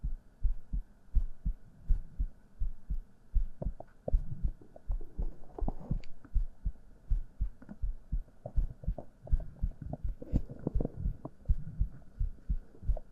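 Steady, regular heartbeat of deep soft thumps at about 81 beats a minute, with faint rustling behind.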